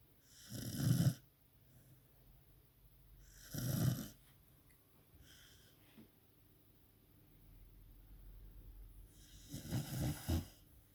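Irregular, loud, low rumbling snores with quieter breaths in between; snoring.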